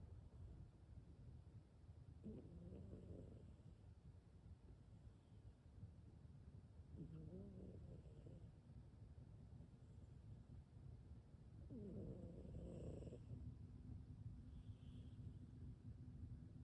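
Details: Soft low snores recurring every few seconds over a steady background rumble from Maxine, a cat sleeping with one eye open.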